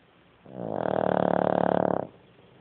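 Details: Rattling snore: one loud snore with a fast, coarse rattling flutter, lasting about one and a half seconds.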